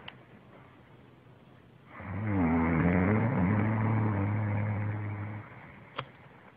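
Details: Snoring from an adult woman who denies snoring: a single long, low rattling snore on an inward breath, with quiet room noise before and after.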